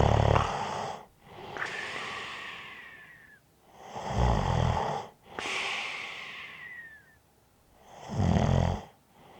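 Loud rattling snores on each breath in, with a thin whistle as the airway narrows, alternating with softer breaths out; snoring with a light whistle.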